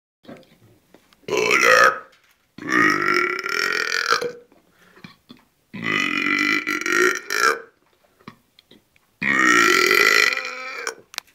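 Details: Four long, loud, voiced belches in about eleven seconds, separated by short pauses: repeated burping.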